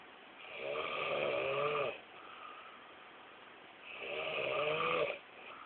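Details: Snoring recorded in a comic movie style: two long, rasping, buzzing snores on breathing in, about four seconds apart, with quiet breathing out between.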